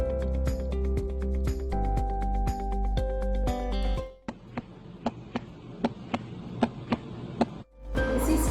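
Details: Simulated normal heart sounds on a nursing student's model heart: evenly paired S1–S2 clicks at about 80 a minute in a regular rhythm, following background music.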